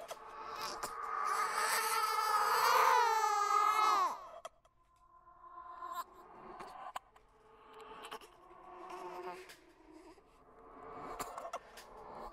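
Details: Simulated "ghost baby" horror sound effect: a drawn-out infant wail followed by softer, rhythmic whimpering cries; infant cry.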